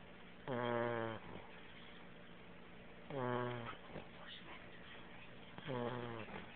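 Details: Beagle puppy asleep in someone's arms snoring very loudly: three loud, buzzing, tonal snores, each followed by a softer breath, about 24 breaths a minute.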